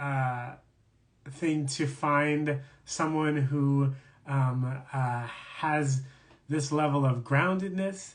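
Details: Adult man who stutters, speaking in a live conversation for International Stuttering Awareness Day; stuttering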